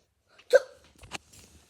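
A sudden short gulping sound followed by a second brief catch, heard over quiet room noise: a hiccup.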